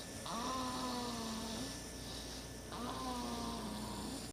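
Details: Six-week-old snoring during sleep: two drawn-out, buzzing, slightly whistling breaths in close succession.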